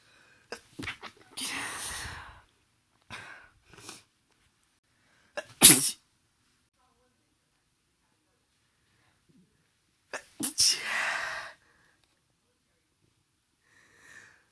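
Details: Female with a cold, sneezes induced and partly stifled, compiled through the day: a few quiet breathy build-ups, then two sharp, loud, hissing sneezes several seconds apart in a quiet room.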